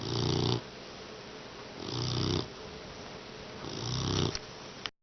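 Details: Mastiff puppy sleeping, exhausted after training: three rumbling, rattling snores about two seconds apart, around 30 breaths a minute.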